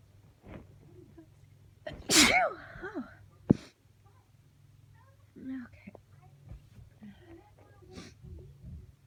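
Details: Sneezing fit blamed on winter allergies, nose still tickling between sneezes: one loud forceful sneeze followed by short sharp bursts.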